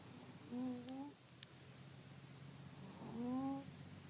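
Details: Cat asleep in front of a heater on a cold winter night, snoring loudly: two tonal, whistling snores about 2.5 seconds apart over a steady low room hum.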